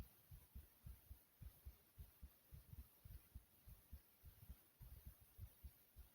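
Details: Person recording their own normal heartbeat: steady paired low thumps at around 105 beats a minute, with faint background hiss.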